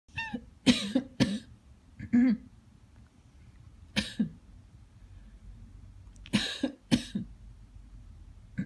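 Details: Several short, harsh adult coughs and throat clears, each answered by a pet cat's brief chattering calls in between.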